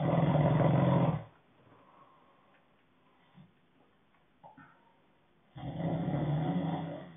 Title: Snoring ASMR